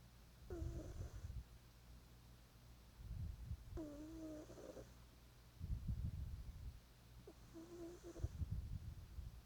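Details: A sleeping animal gives low, rumbling snores with a faint whistling edge at about 24 breaths a minute, over a steady room hum: snoring.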